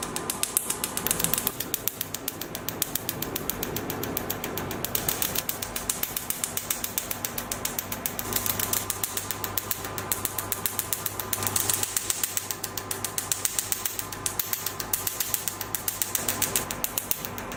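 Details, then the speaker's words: Picosecond laser carbon peel with the 1320 nm probe on the face of a patient lying down: a foot pedal fires the laser, with the handpiece perpendicular to the skin about 2 cm away. It gives rapid, steady snapping pulses, about 220 a minute, over a constant hiss. "Tread the foot pedal to start the operation. Blasts the carbon gel at an even rate."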